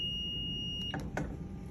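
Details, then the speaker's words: Zoll defibrillator in defib mode with less-than-3-kilo neonatal pads on a baby doll (assumed 2 kg), energy dialed to 4 joules; a steady high charged-ready tone cuts off with clicks as the shock is delivered. "we would dial our energy down to four Jewels hit charge when it's ready this will light up red you can press"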